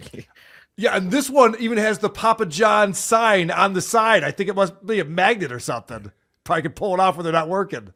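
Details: Adult speaker; ordinary speech.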